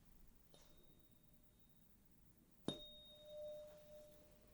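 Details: Simulated otolaryngology exam roleplay: two light strikes of a tuning fork, each followed by a pure sustained ringing tone, during the Rinne test, held on the mastoid process behind the ear and then in front of the ear.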